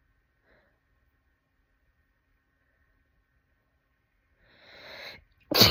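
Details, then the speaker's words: Near silence, then a rising inhaled build-up and one sharp, loud sneeze, the fifth in a rapid series; sneezing. "oh my God it's happening again I just did my fourth I just did my fourth I'm about to have my fifth wait wait wait number five"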